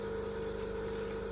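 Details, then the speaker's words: Gomco portable bedside electric suction machine switched on and running before oral suctioning with a Yankauer catheter, simulated skills demonstration: steady droning motor hum of constant pitch. "Mr. Smith, I'm going to go ahead and suction your mouth, okay?"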